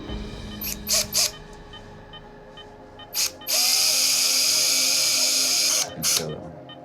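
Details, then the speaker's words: Surgical drill during veterinary repair of a fox's severe leg fracture: short bursts, then a sustained high-pitched whine as screws are driven into the bone, with faint music behind. "It's going all right now, as long as that drill keeps working."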